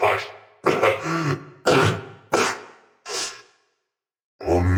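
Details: Genuine cough from a person who is actually sick, recorded in a voice-acted audio drama: five harsh, forceful, wet-sounding cough bursts in a row, a pause, then another.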